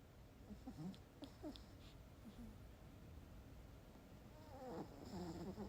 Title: 강아지 코골이 🤣🤣